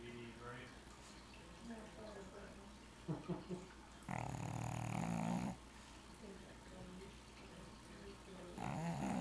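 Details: Pug snoring: low, rumbling, snorting breath sounds with faint background talk.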